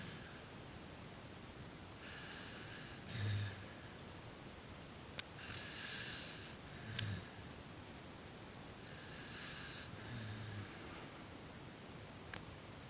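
Soft, irregular snuffling snores with low snorts, about 16 a minute, from a sleeping dog in a quiet room.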